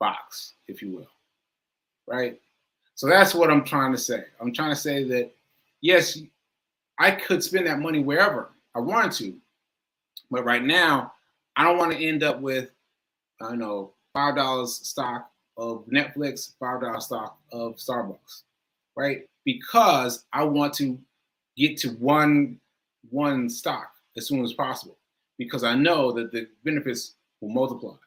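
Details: Aphasia after stroke in an adult male stroke survivor speaking live, with word-finding difficulty.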